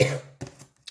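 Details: A short voiced cough or throat clear, then a softer second burst, from an adult woman with a cold; cough / throat clearing.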